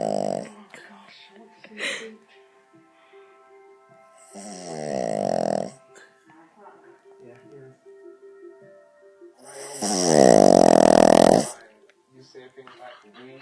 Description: My dog Yogi snoring on his back